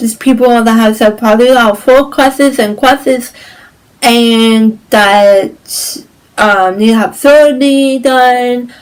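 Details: Woman with cerebral palsy with stiffness, tightness, pain, and posture, balance and movement problems; dysarthria (cerebral palsy).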